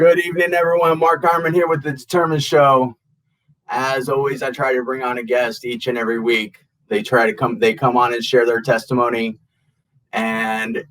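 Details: Adult male host; normal speech.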